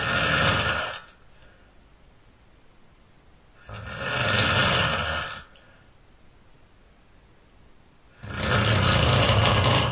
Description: My snoring is relentless ... nothing could stop me.